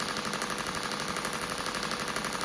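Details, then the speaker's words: Radial shockwave self-treatment of a perimenopausal woman's shoulder soft tissue (old dislocation injury) at a low setting, about one bar, 12 Hz, about 2,000 shots: fast even stream of sharp clicking pulses. "It's about one bar. I'm on about 12 hertz. One bar is quite low."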